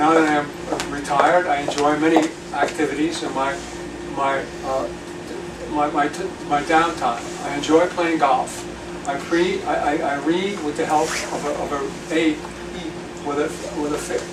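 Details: Aphasia in a male retired pediatrician after a 2014 left-hemisphere stroke from a torn carotid artery, with initial right-sided paralysis (movement since returned); words slowly returning with speech therapy.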